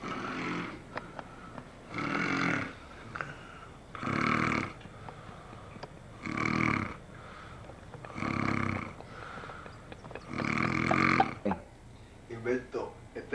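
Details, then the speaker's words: Loud rasping snores from a roommate, recurring about every two seconds (roughly 28 a minute), with quieter breaths between; heavy snoring recorded as proof that he snores. "esta es la prueba que tú veas que tú roncas duro con cojones, brother."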